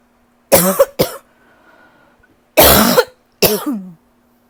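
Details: Persistent cough that won't go away: two pairs of harsh, loud coughs separated by a quiet pause; lingering cough.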